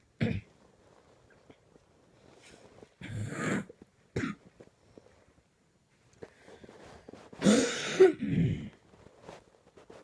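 Irregular coughs and throat clearing with rough, strained breaths between them in a quiet room: a coughing fit.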